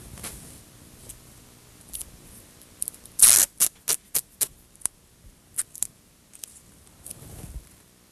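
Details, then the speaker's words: Quick, sharp crackling and ripping bursts as medical tape is pulled and torn to secure a packed wound dressing during a nursing demonstration of a sterile wet-to-dry dressing change. "and I have one more piece of tape to put on Mr Jones I just need to label it so that the nurses behind me know when this dressing was changed"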